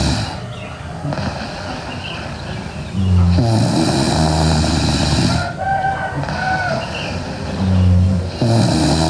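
Loud, rough low snores at roughly three-second intervals over a steady hiss of room noise; ordinary snoring.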